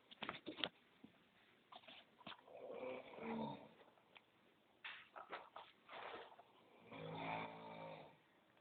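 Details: Snoring during sleep: irregular snorting, fluttering breaths with a few longer rattling snores.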